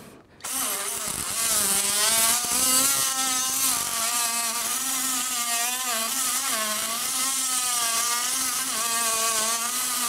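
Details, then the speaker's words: Oscillating saw making the distal femoral cut, after setting varus/valgus and alignment, on a sawbones model in a total knee replacement demonstration for varus deformity. A steady, wavering, high-pitched buzzing whine. "وبكده احنا نقدر في اللحظه دي نعمل الكات بتاعتنا بعد ما ظبطناها فيرس فالجاس والالاينمنت بتاعنا. هنستخدم السو بليد ونبدا الكات بتاعتنا."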